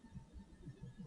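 Soft, low thumps of heart sounds heard at the lower left sternal border with the patient lying down; normal heart sounds.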